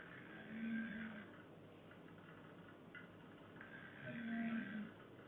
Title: snoring girlfriends